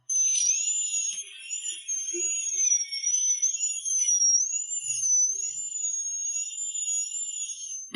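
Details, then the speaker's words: Dental drill opening the pulp cavity during root canal treatment after re-anesthetizing the tooth: steady high-pitched whine of a high-speed drill, wavering slightly in pitch. "Now the pulp cavity needs to be opened with a drill"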